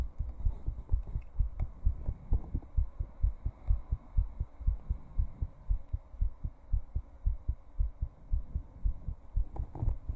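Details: Rapid, steady heartbeat at about 120–130 beats a minute, low thumps over a faint hum; the baseline rate is noted as higher than normal.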